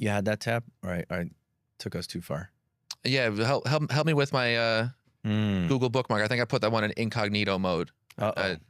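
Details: Adult man who has stuttered since childhood; audible repetitions of words and phrases, consistent with stuttering.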